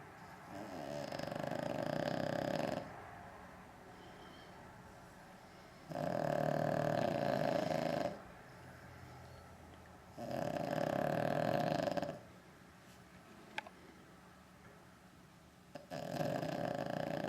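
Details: Asleep and snoring, not waking when called: loud, rough snores every four to five seconds, roughly 13 a minute, with quiet exhales between.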